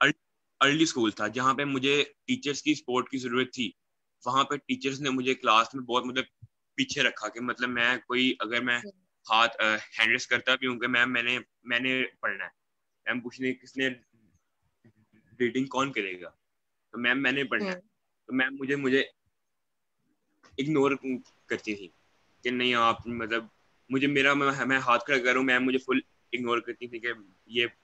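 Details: Young man who stammers, speaking Hindi on a stammering awareness panel; stuttering with repeated words.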